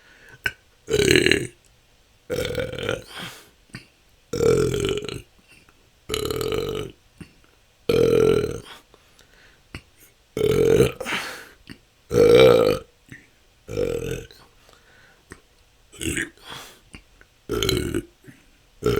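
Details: Adult with frequent, repetitive voiced belching, about a dozen belches in 19 seconds with brief pauses, part of 10 continuous minutes of natural burping; episodes can last hours and have been a struggle for the last couple of years.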